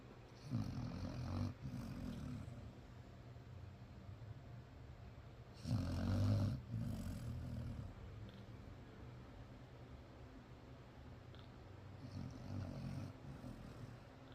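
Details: Loud, deep, rattling snores, some in double bursts, recurring every few seconds; heavy snoring in a sleeping dog.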